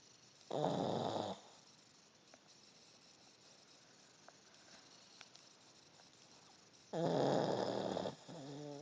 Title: Little dog, big snore